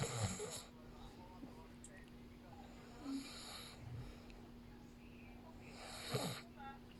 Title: Snore pa more!